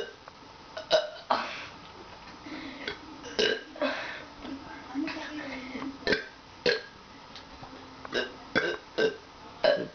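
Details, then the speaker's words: Boy's repeated loud, drawn-out, deliberate burps in quick succession, some rumbling, with brief pauses; called dirty burps; belching. "can you put this on Facebook D those are dirty burps Man Dirty you dirty bus"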